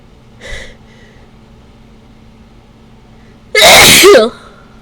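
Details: A faint catch of breath, then one loud, forceful sneeze. The person suspects a ragweed allergy and is sneezing after bringing a ragweed stalk indoors and using chhinkni (sneezing powder). Allergic sneezing.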